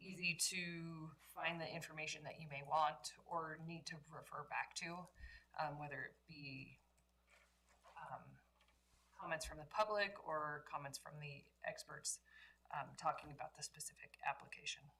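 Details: Adult speaker in a small room; normal speech.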